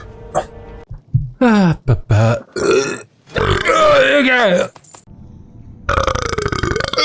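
Several loud, drawn-out belches, one long and rumbling, with background music and some speech.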